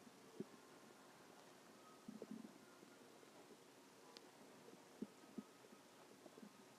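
Quiet low gurgles and brief rumbling bursts over a faint hum; ordinary stomach growling from gas and fluid moving through the gut.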